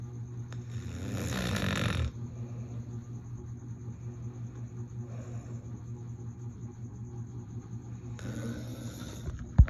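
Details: Two loud, rough snoring breaths about six seconds apart, jokingly likened to an alarm clock, over a steady low hum and a faint high tone; snoring.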